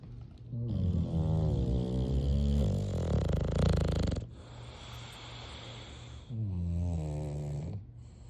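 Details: Sleeping English bulldogs snoring: deep, rumbling, resonant snores in long drawn-out breaths, separated by quieter exhalations.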